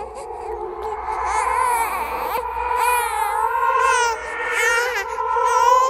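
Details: Horror sound-effect track of a ghostly baby crying: a wavering, wailing infant cry with an eerie processed quality. The cry is edited and composed with other creepy sounds.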